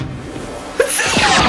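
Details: Staged comedy skit: a man is held down and made to sneeze with his eyes open; a sneeze.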